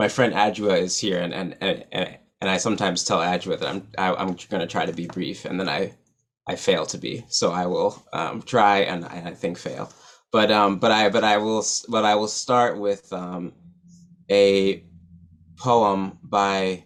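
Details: Adult man who stutters, real, speaking at a stuttering association conference; stuttering.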